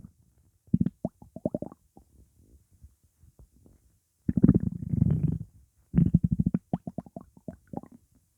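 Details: Gurgling, bubbling stomach rumbles in bursts with a long low growl in the middle, after eating pizza causing gas; borborygmi.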